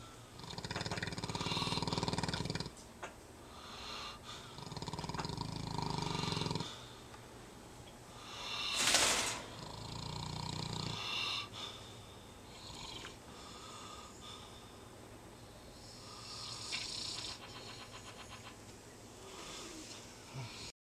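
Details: Snoring during a nap: repeated rough, rattling snores with quieter pauses between them and a sudden noisy snort partway through.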